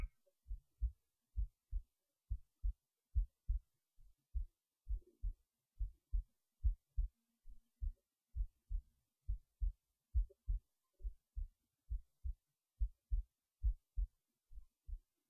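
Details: Normal resting heartbeat recorded while lying in bed late at night before sleep: steady, regular, low lub-dub beats at about 65 a minute.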